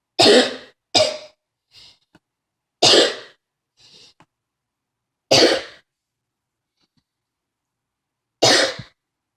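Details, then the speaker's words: Adult with a coughing fit who felt faint: five loud, harsh coughs in quick irregular succession, with brief quiet breaths between them. "feel like I'm gonna faint after that. I need to stop coughing right now."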